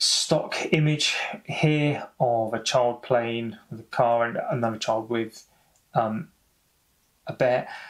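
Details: Stuttering (stammering) in an adult man who says he has stammered for over 30 years, heard in spontaneous English speech.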